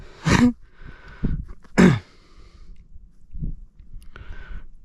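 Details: An ordinary cough outdoors while fishing: two loud, harsh explosive coughs about a second and a half apart, with softer throat sounds and quiet outdoor background between them.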